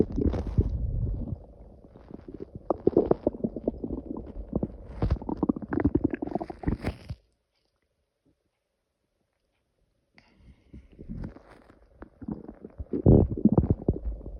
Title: Loud growling noises